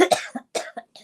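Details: A grandmother who says she can't talk easily this morning gives a short run of harsh coughs with some throat clearing during a live talk.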